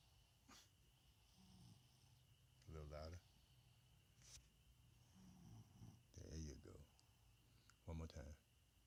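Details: Person recorded asleep after their dad said they snore: low, rattling snores with a vibrating throaty quality recurring every few seconds over a hissy background; snoring.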